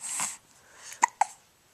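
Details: Baby boy: a breathy noise, then two short, sharp hiccup catches close together; infant hiccups.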